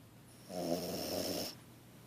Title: French Bulldog Snoring (3.5 months)